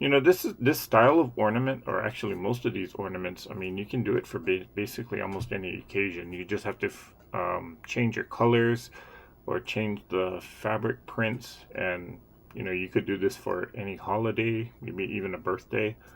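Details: Adult woman who says she has a stutter, speaking during a livestream; stuttering.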